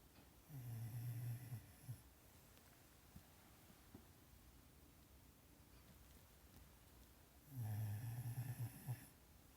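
Two low, rattling snores several seconds apart over a quiet room: ordinary snoring from a sleeping dog.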